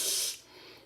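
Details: Lateral lisp imitated by a speech pathologist: air flows out the sides of the mouth for 'S' instead of the front, making the S slushy or wet.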